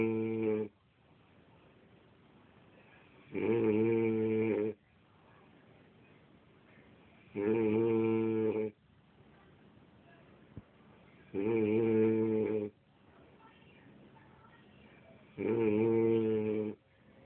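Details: Man snoring loudly with regular buzzing snores on each breath, about 15 a minute, with quiet pauses between; steady snoring.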